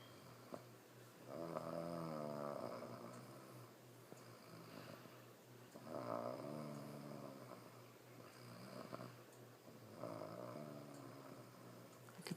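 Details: Sleeper who insists he never sleeps, recorded asleep and snoring: soft, buzzing snores with a slight whistle, about 15 breaths a minute, against steady room noise.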